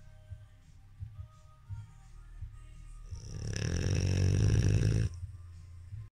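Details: Soft, low breathing noises build into a long, loud, rattling snore over faint background music; snoring.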